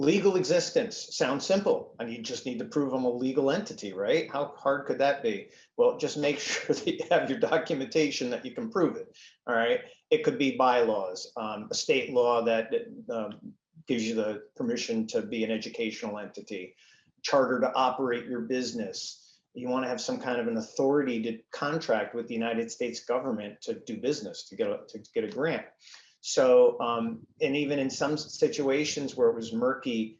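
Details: Adult male speaker; normal voice.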